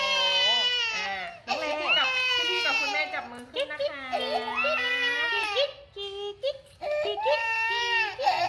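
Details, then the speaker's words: Loud, high-pitched infant wailing in long bursts with brief gasps, while receiving a vaccine injection, an adult soothing faintly ("It's done"); infant crying after vaccination. "It's done. It's done. It's done. It's done. Oh, the tears are coming."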